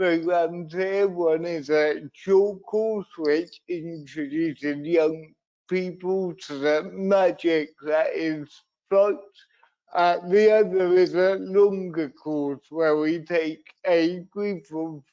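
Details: Dysarthria in an adult man with cerebral palsy, a brain injury sustained through an accident at birth; he also reports being wobbly and unsteady on his feet.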